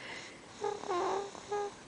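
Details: Cassidy, a sleeping baby girl, with soft, slightly tonal, whistling breaths in a quiet room; light snoring.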